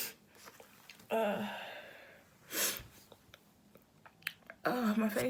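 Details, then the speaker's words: Person sneezing after cleaning a dusty bedroom: a voiced breath in, then a sharp noisy sneeze burst, with quiet room noise around it. "I've been sneezing, sniffling. I just wanted to see if any more sneezes will come out."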